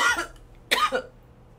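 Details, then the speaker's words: Two short, forceful coughs in quick succession in a quiet room, from a girl who says she is holding back a lot of coughing and that it hurts; she coughed so hard at work she tasted blood. "아 기침을 엄청 많이 참고 있어요 내가 지금 이렇게 해가지고 여기가 아파"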